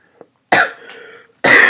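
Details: Two abrupt, harsh coughs from an adult with a persistent cough that repeatedly interrupts recording, the first trailing into a brief throaty tail, the second cut off.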